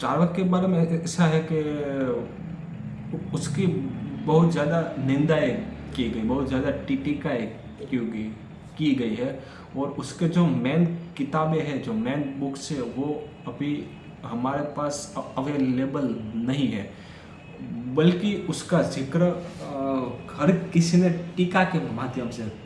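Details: Stammering in an adult male during Day 4 of his daily speech practice, speaking Hindi; he says he stuttered more during this section.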